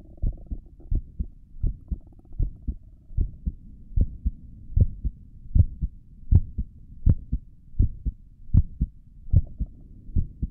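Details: Own heartbeat through a stethoscope on the chest, ASMR recording: regular deep lub-dub beats at about 76 a minute over a soft steady hum; normal heartbeat.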